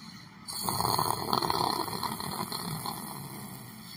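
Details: Snoring while sitting on a chair, sleeping: a rough, rumbling breath noise over room hiss.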